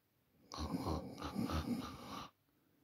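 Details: Person asleep at night, recorded on a Samsung Galaxy A40 phone: one long, rough, fluttering snore on the breath in a quiet room; ordinary snoring.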